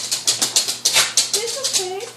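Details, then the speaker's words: A dog on regular medication having a coughing, asthma-like wheezing attack: rapid, harsh, hissing breaths in quick succession, ending in a thin whistling whine; he improves when calmed to breathe slowly. "It's like an asthma attack, actually, and it's kind of frightening to hear, but if I can get him to calm down and breathe slowly and not do the wheezing like that, then he's much better."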